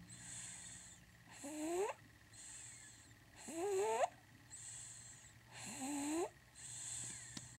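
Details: Loud rhythmic snoring during sleep, about 27 breaths a minute, with a squeaky rising whistle on each in-breath and a soft hiss between.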